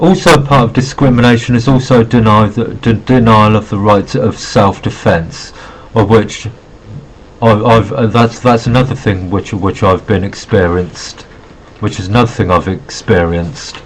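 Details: Adult man with Asperger syndrome who says he has a bit of a stutter; phrase repetition heard; stuttering.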